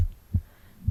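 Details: Person's own heartbeat recorded from the left side of the chest while reading a book aloud: two soft low thumps with faint background hiss; normal heartbeat.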